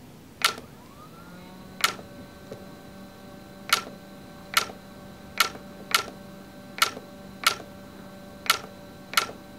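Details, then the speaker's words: Sharp single clicks at irregular intervals over a steady machine tone: YAG laser pulses firing during live vitreolysis of a Weiss ring floater, a normal treatment sound. "don't move now you're going to hear some clicking sounds this is normal okay no worries"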